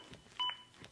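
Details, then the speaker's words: ZOLL AED Plus CPR training demo: after pausing for two breaths, metronome resumes synchronized with chest compressions, pacing to at least 100 per minute; single clear electronic beep; CPR metronome beep. "beeps begin again and are synchronized to my compressions and again speed me up to at least 100 compressions as recommended by the american heart association"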